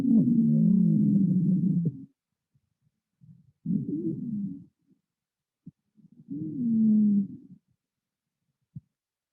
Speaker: wheezing is a result of inflammation and narrowing of the airway in any location from your throat into your lungs it's often associated with difficulty breathing and asthma and it sounds like a continuous whistling sound